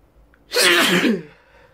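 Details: One loud, explosive sneeze with a short intake just before it: sneezing.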